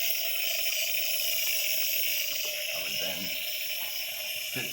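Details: Small volume nebulizer with 2.5 mg albuterol in 3 mL normal saline on wall oxygen at 6–8 L/min, checked for aerosol before mask application: steady loud hiss with faint room sounds, device working normally.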